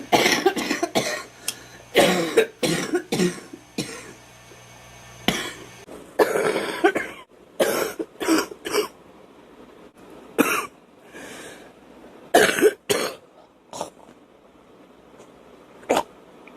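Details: A girl who smokes homegrown tobacco, in pain and feeling something in her chest, has repeated harsh coughs in about a dozen clustered bursts with quiet gaps and throat clearing; persistent cough.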